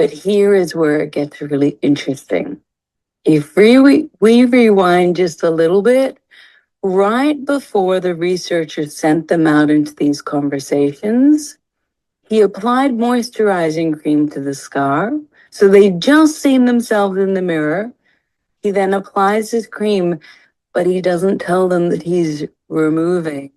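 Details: Adult woman speaking; ordinary speech.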